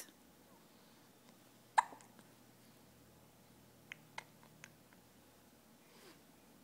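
Several short, sharp catches in a quiet room, the first loudest, then three fainter ones; infant hiccups.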